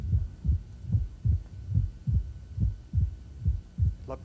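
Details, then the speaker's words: Rheumatic mitral stenosis: opening snap heard just inside the apex, with a low-frequency bell-heard murmur at the apex, a presystolic component and a loud first heart sound. "so we hear the opening snap of rheumatic mitral disease remember rheumatic disease gets the leaflet tips and sub valvular apparatus"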